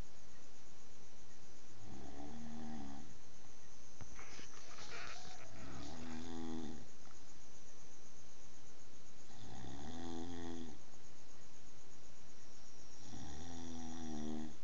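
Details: Heavy snoring while asleep, loud enough to keep others awake: loud, rattling, deep snores on each breath in, about four over fifteen seconds, near 16 breaths a minute.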